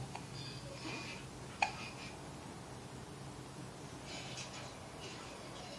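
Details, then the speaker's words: A single quick, sharp hiccup click against quiet room noise; hiccups. "Hi, Mama. Do you have the hiccups?"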